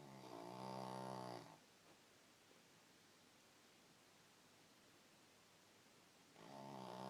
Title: Snoring